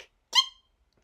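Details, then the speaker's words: A single brief, high-pitched squeaky sneeze from an adult woman during an audiobook reading, with a tonal squeak and no deep explosive part; she says it is how she always sneezes. "sneezing yes that's how I sneeze I know it sounds like I stepped on a mouse but anyways thank you mother for this weird sneeze"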